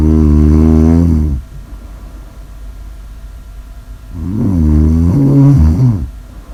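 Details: Two loud, rattling snores on the in-breath, the second rising and wavering; heavy snoring.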